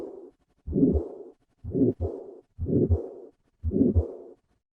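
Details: Combined aortic stenosis and regurgitation: heartbeat near 57 a minute with a harsh systolic murmur after the first sound and a blowing diastolic murmur after the second.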